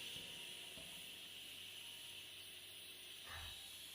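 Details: Steady high airy hiss of a nebulizer driven by the pressure of a 5 L home oxygen concentrator, allowing oxygen and nebulization together, with a faint low machine hum and a brief bump.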